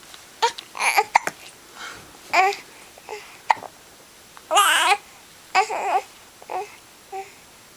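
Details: Infant rolling over, vocalizing and babbling with several brief, abrupt catches between the sounds; hiccups.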